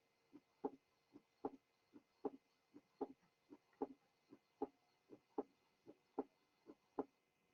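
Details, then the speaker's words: Regular heartbeat near 77 per minute with a clearly doubled second sound, a widely split S2, the split occasionally removed to compare normal with abnormal; described as occurring, for example, in pulmonary hypertension. "Listen to the following widely split second sound. The split will be taken out occasionally to allow you to compare the normal with the abnormal."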